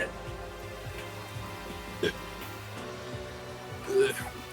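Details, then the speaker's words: Person's hiccups mixed with a cough, heard during a live stream, described as the body violently spasming; hiccups. "There's also hiccups in that if you didn't hear them. I thought you were like throwing up. No. As my body is violently spasming. When I heard the hiccup mixed with the cough."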